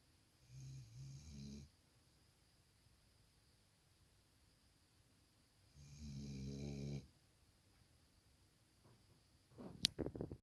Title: Cute Black Labrador sleeping & snoring